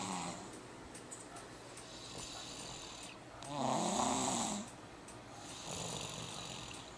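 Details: A long, buzzing snore on the in-breath, then a softer one, over steady room noise; ordinary snoring.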